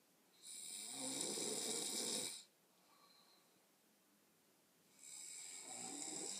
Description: Quick vid of my sister having a good old snore